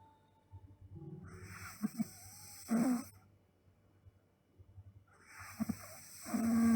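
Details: Snoring from a sleeping girl: two slow breath cycles, each ending in a rough, rattling snore on the in-breath.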